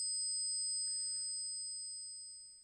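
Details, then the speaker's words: Simulated tinnitus after traumatic brain injury with multiple brain bleeds: two steady high-pitched tones played together, recreating constant ringing in the head plus intermittent ringing in the ear. "I have ringing in my head. Not ringing in the ears, not tonitis. Uh, I have ringing in the head constantly. I'm I'm playing the tone now that I constantly hear and then once in a while I get ringing in the ear and now they sound like this together."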